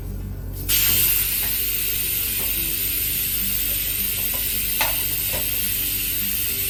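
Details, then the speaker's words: 5 L/min home oxygen concentrator (ZY-5AW, up to 95% oxygen) switched to its nebulizer function: a loud, steady hiss of airflow starts abruptly and continues with faint clicks over a low hum. "นอกจากให้ออกซิเจนได้แล้วนะคะเราก็ยังสามารถพ่นยาได้ด้วยค่ะโดยที่เขานะคะจะมีนายศุภกรพ่นยามาให้ค่ะ"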